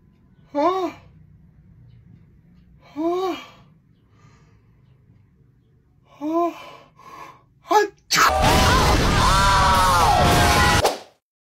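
Three sharp gasping intakes of breath building toward a sneeze, then loud music; acted for comedy.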